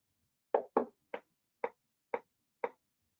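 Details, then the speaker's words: Live repetitive nerve stimulation demonstration of technique and pitfalls, recording a nasalis response of about 4.09 after raising the stimulus. Six sharp, evenly shaped stimulator clicks are heard as a train of shocks is given. "okay so we're going to give four shocks here and they look good 0.5 actually um increase here comes another four"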